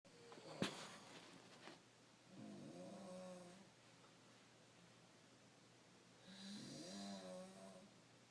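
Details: Parents snoring: two soft, rattling breaths about four seconds apart in a quiet room, typical of light snoring.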